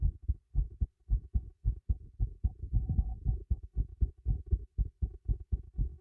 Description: My new microphone secured into place beneath this teacup makes for a nice and pretty clear recording of my heartbeat :)